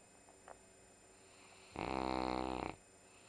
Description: enjoying her Sunday morning nap!